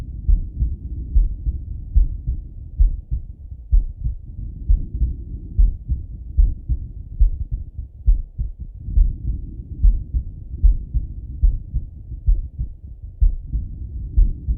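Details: Male lying on his left side, heard through a stethoscope: steady, dull lub-dub heartbeat at about 70 beats a minute with low rumbling body noise; heart sounds.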